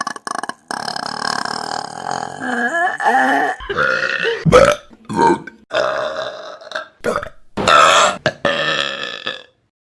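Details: Clip from a compilation of burps taken from YouTube videos: a run of loud, long, voiced belches in quick succession, burping.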